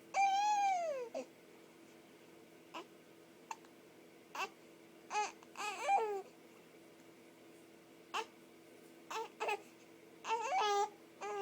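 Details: Male infant with hiccups, said to hate them, vocalising with brief cries and short sharp catches at irregular intervals over a steady room hum; infant hiccups.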